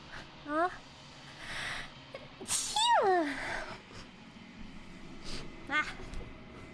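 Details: VTuber sneezing on stream: short vocal sounds, then a rising inhale and one loud, sharp burst with a falling voiced tail, a single sneeze.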